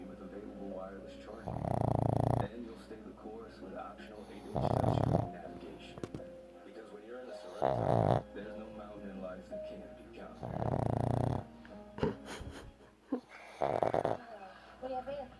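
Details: Tired pug snoring: repeated rough, rattling snores about every three seconds, roughly 20 a minute, with music and quiet talk in the background.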